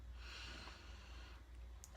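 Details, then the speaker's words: Faint snorting, soft snoring breath noise from sleeping dogs in the background of a quiet small room. "um and I'm really sorry if you can hear snoring in the back background like two of my three dogs were just asleep next to me because they're whiny babies and have to be with me"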